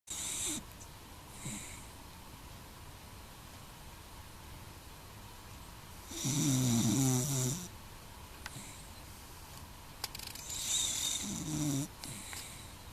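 Loud, rattling snores on the in-breath, spaced several seconds apart, over steady background hiss.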